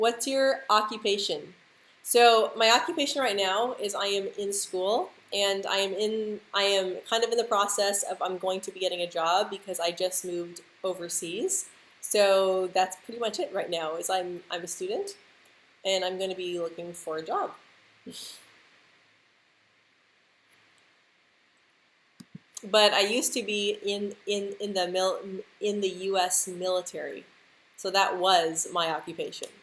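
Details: Adult woman who stutters, speaking English in a live stream; she reports stuttering more when stressed, insecure or nervous, with jaw and tongue tension; stuttering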